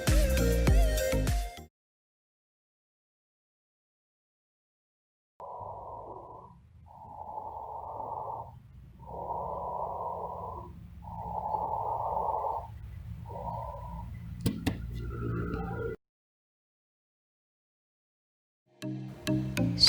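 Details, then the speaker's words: Soft, moderately pitched breath sounds with clear inspiration and expiration of similar length and no silent gap between them: normal bronchovesicular breath sounds, teaching example. "sedangkan kombinasi suara nada tinggi dengan inspirasi dan ekspirasi yang jelas dan tidak ada silent tips Hai bronchovesikuler berikut adalah suara bronchovesikuler"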